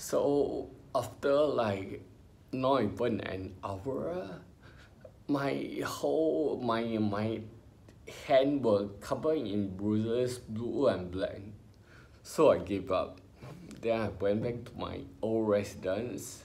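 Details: Ataxic dysarthria in an adult man with spinocerebellar ataxia, diagnosed by a neurologist about 20 years earlier in his twenties.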